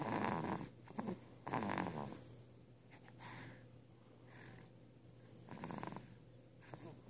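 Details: 8-week-old puppy snoring while asleep: soft, irregular snoring breaths with snuffly rattles, about 40 a minute; ordinary snoring.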